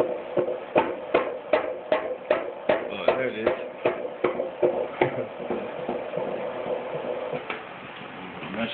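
Rapid, regular whooshing beats at about 150 a minute, later blurred by movement noise. This is a normal fetal heartbeat on ultrasound.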